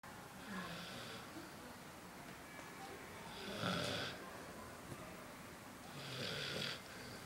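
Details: Bernese Mountain Dog (Pandora), large, sleeping: three loud, rough breaths at about 23 a minute, each a rattling snore with hissy upper tones; snoring.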